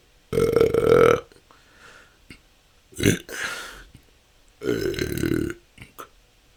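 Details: Repeated loud belches one after another with short gaps and small gulping sounds, recorded continuously; the person says this can go on for hours and has been a struggle. Excessive belching (eructation).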